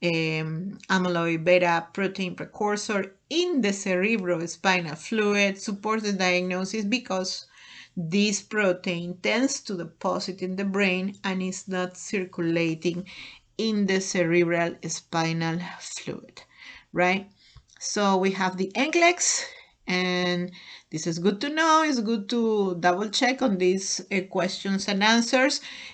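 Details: Adult speaker; normal speech.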